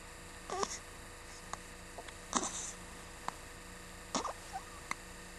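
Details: Several faint, abrupt hiccup sounds at irregular intervals over a quiet room hum; hiccups.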